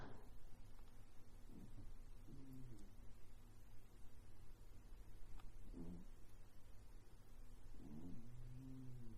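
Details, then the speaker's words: Sleeping cat snoring habitually in a room during crafting: soft, low rumbling snores recurring every few seconds over a steady low background hum. "and I apologize if you can hear my cat snoring in the background but that's kind of a that's kind of a constant in my life"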